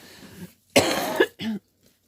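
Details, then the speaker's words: Adult with a cold, worsening over the week, with sneezing, sniffling and coughing up phlegm: a harsh, rough cough then a short throat-clear, with congestion and throat irritation. "g to apologize now for any sneezing or sniffling or coughing that I might do like in a second sorry kind of catches especially if I talk too much so I've been on the quiet side"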